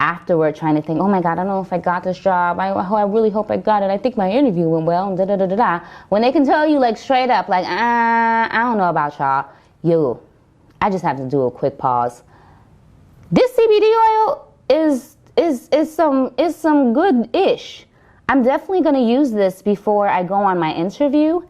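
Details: Stuttering in an adult woman who has stuttered since growing up and reports using CBD oil; she says it worsens when repeating herself, varies with environment, and she is still working through some stutters.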